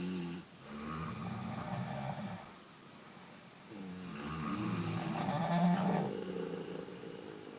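Two long, rumbling, rough breaths with a quiet pause between them. Snoring as a game sound effect.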